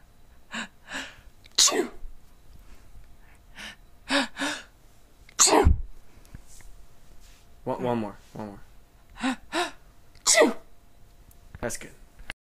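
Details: Simulated sneezes acted on request in a small room: a series of sharp, forced sneezes, some with a short gasp before them.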